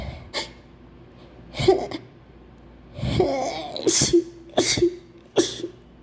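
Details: Several quick, wet sneezes in a row with gasping breaths between them, an acted sneezing fit with faint background noise; the person says they have a terrible flu and can't stop sneezing despite trying to hold it in.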